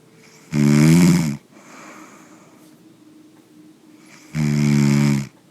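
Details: Man snoring: two loud, deep, vibrating snores on breathing in, with a quieter breath out between them; snoring, which can reflect sleep patterns.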